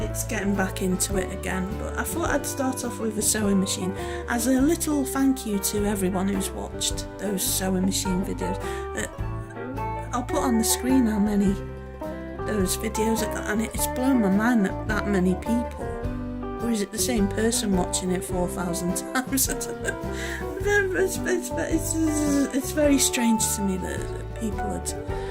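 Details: Adult woman who says she stammers now and again, was mute for years and feels out of practice after a year away; stuttering.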